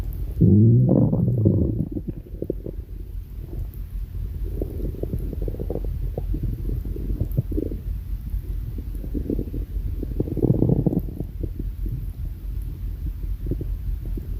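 Low gurgling and rumbling stomach sounds, with a louder growl at the start and again later, typical of borborygmi.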